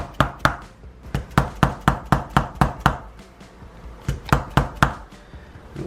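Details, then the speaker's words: Mallet tapping in manual spinal correction at thoracic vertebrae 6–8, given for degenerative knee arthritis: sharp wooden knocks in quick runs of several taps with brief pauses along the mid-back. "이와 같이 이제 망치로 교정을 하게 되면 위험성을 말씀하시는 분이 있는데"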